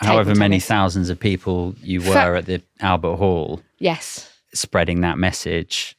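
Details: Adult man speaking; normal adult speech.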